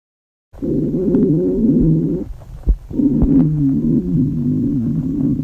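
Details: Dieting girl on restricted food, very hungry: long, loud gurgling, rumbling stomach growls with a short pause; hunger stomach growling.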